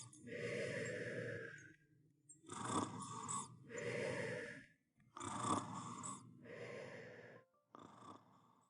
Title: YouTube kids snoring animations